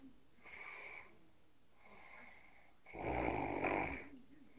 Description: This is what happens when the boyfriend told me he didnt snore i recorded him.